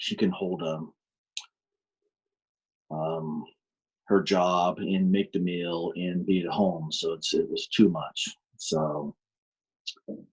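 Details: Adult man with aphasia caused by a stroke in March 2019, still attending aphasia programs: aphasia.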